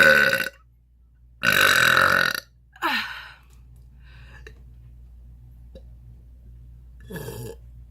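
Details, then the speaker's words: Person attempting long air burps without having drunk anything: three loud, rumbling belches, the longest about a second, then quiet room sound and a short final burp. "I'm going to attempt to get my longest air burp I haven't drank anything I'm going to try five times and see if I can do"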